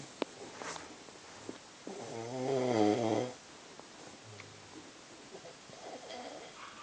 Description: My bf snoring for days